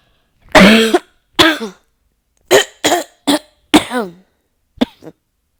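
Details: A run of about eight harsh, forceful coughs in quick succession with short gaps; nonstop coughing fit.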